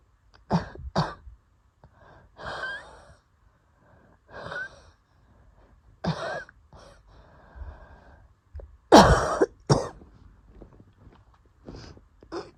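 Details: Asthma attack, the first in a long while, triggered by going outside early in the morning: repeated harsh coughs with noisy, faintly whistling wheezy breaths between them.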